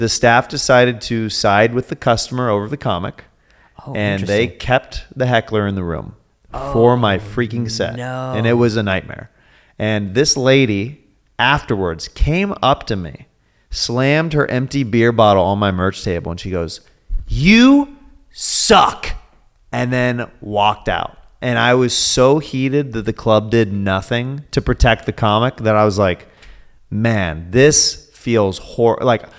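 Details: Adult man speaking; conversational speech.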